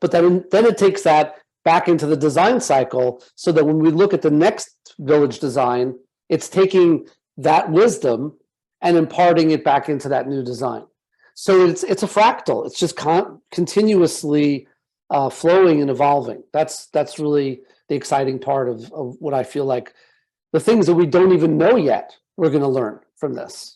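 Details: Adult man speaking; normal voice.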